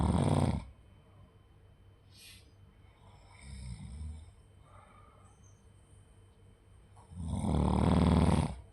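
Two loud, low, rattling snores about seven seconds apart, with quiet breathing in between; ordinary snoring.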